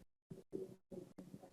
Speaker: this is a type of the murmur you will heard. If you see, if you concentrate on this murmur, there is no first and the second heart sound differentiating, and the whole of the systole you see, you hear a murmur.